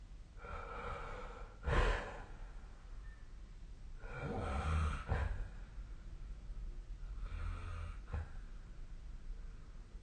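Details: Sleep snoring recorded with the SnoreLab app, 2025/01/25: noisy sleep breathing with low, rattling snore sounds, about three breaths in ten seconds.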